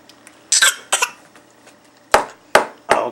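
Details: Eight-month-old infant with a bad cough, possibly needing a doctor: five short, harsh coughs in two groups with brief pauses between them.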